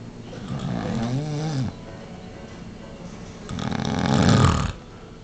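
Two loud, low, rattling breaths with a pause between them, with music faintly in the background; snoring.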